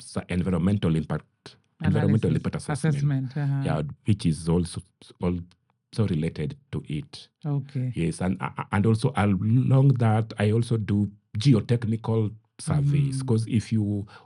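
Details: Adult man who stammers and founded a stammerers' association; stuttering, which he says worsens when he is hurried and goes with constant anxiety about speaking.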